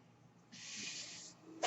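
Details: Podcast host's own mechanical ventilator heard in the background: quiet room, then a steady airy hiss under a second and a sharp click as it delivers a breath; mechanical ventilator noise.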